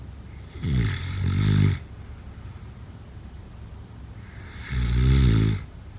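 Deep, rumbling snores, one on the in-breath about every four seconds, with a rough, fluttering quality: ordinary snoring during sleep.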